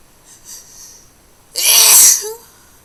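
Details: Hard, wet sneezing recorded with a faulty microphone: a soft inward breath, then one loud, forceful, hissing sneeze lasting about half a second.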